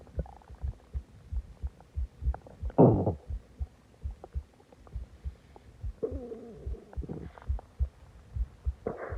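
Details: Low gurgling and drawn-out groaning rumbles over steady soft thumps after eating a lot and drinking soda; stomach growling (borborygmi), a normal digestive sound.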